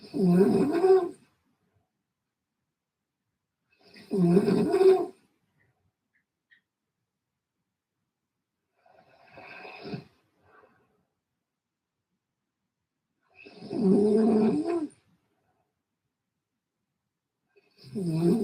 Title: At 11PM I had Funny Noise snoring. 😴😅😂🤣🥹